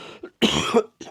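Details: Adult bedbound for a week with severe illness: one harsh, rough cough burst with softer breathy throat sounds before and after, in a quiet room: cough during a lung infection.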